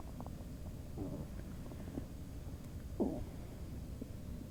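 Low gurgling and bubbling rumbles over steady background noise; bowel sounds, ordinary stomach rumbling.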